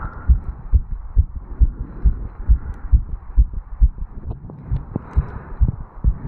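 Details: Regular quick lub-dub heartbeat near 136 a minute with some movement noise, recorded at the mitral area in a 35-year-old male after jogging up stairs; tachycardia after exercise.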